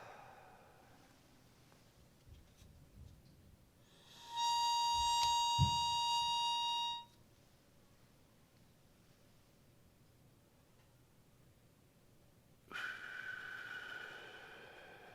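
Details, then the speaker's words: A steady whistling tone lasting about three seconds as a demo-model albuterol metered-dose inhaler trainer is pressed just after starting a slow breath in; a real inhaler makes no such tone. "when I do the demonstration you'll be able to hear a noise that you're a beauty on hailer won't make but this is a demo model"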